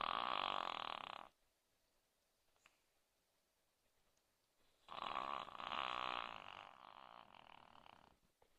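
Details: Two rough, rattling snores separated by a quiet pause from a Maltese puppy sleeping deeply after exercise, snoring loudly.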